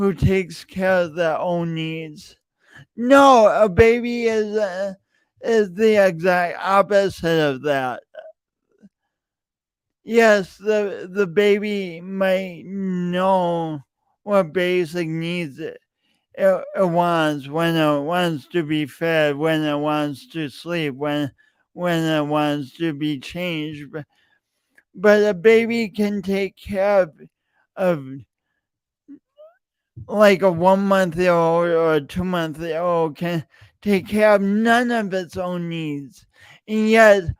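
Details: Real, self-reported speech impediment in an adult male, present for years and heard whenever he speaks; stuttering-like disfluency.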